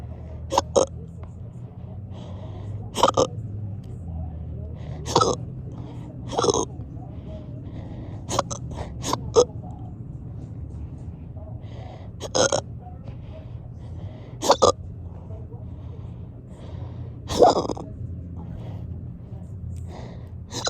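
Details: Persistent hiccups lasting hours: abrupt, sharp gulping catches of breath, about ten in twenty seconds, over faint room noise; repeated hiccups.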